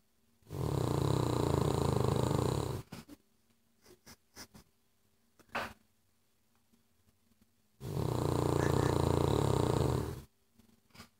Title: funny Cavlier king charles snoring